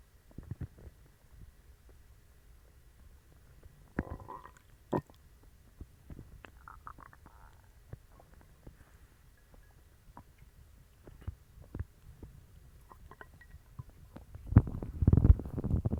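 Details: Person with a bellyache and loose bowels after eating dog treats: low, scattered, irregular gurgling and rumbling bowel sounds building to a louder rumble at the end; stomach growling (borborygmi).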